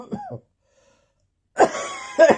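Three short, harsh coughs in two clusters with a pause, fitting a lingering cough after a viral infection.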